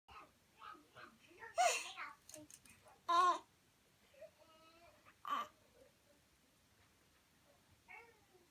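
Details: Baby in a jolly jumper: about three short, abrupt hiccup bursts amid soft babbling and small fussy sounds; hiccups.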